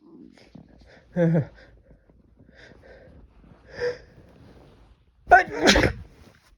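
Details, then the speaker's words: Man sneezing on New Year's Eve after taking chhikni snuff, with eyes watering: soft breathy sounds, then a loud explosive sneeze with a trailing burst; induced sneeze. "Oh, fuck, I'm gonna sneeze. Oh. I did a little too much there."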